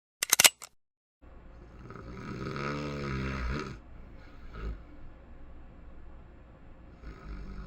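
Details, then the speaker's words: A single loud, rattling snore in a staged comedy sketch, so the snoring is performed rather than real; another character asks him to stop snoring; room noise around it. "can you stop snoring?"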